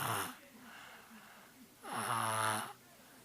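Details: Woman with a cold snoring heavily: loud, rough, vibrating snores on each breath with quieter breathing between; snoring due to the cold.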